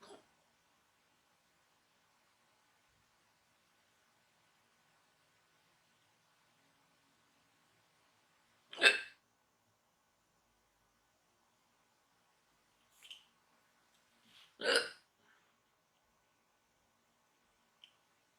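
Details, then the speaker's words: Woman's lingering hiccups after induced burping and gas, recurring after she thought they had stopped: about three sharp, brief hiccups spaced seconds apart in a quiet room. "Oh, there's a little one. Every time I think that they're done, they sneak up on me."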